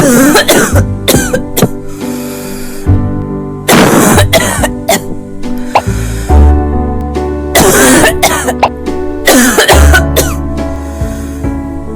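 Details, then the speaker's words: A child's repeated dry coughs in short clusters over background music, occurring especially at night or with weather, with wheezing as another symptom; a cough possibly due to asthma. "Si la tos ocurre en forma especialmente durante la noche o el clima"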